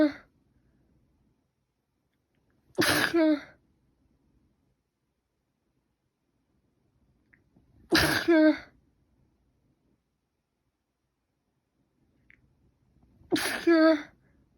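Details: Sneezing that has not stopped since last night, with itchy, runny nose; unsure whether cold or allergy: three sharp sneezes about five seconds apart, each with a short voiced tail.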